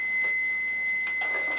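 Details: Simulated in-hospital cardiac arrest with a limited code team and surgical masks, COVID-19 precautions, ACLS, patient being cleared: steady high-pitched tone of a defibrillator charged and ready to shock; faint background voices.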